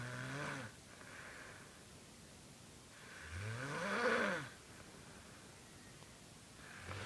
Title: Weirdest snore ever